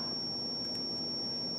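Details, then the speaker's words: Zoll crash cart defibrillator charging tone in manual mode after selecting 120 joules during ACLS training; steady high-pitched electronic tone, with no audible prompts in manual mode. "say they want a shock at 120 again for some reason just go over here and you go down to what you're asked and you charge it now"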